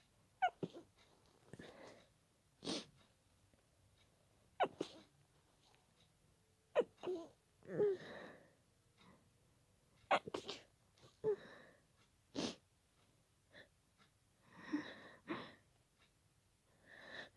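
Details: Person stifled a sneezing fit after a tickling nose, keeping quiet while sharing a room: a run of muffled, suppressed sneezes with short catches of breath between; stifled sneezes.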